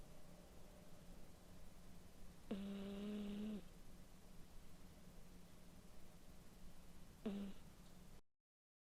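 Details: A male cat snoring while napping: two buzzy, droning snores on the in-breaths, about five seconds apart, over a faint steady background hum.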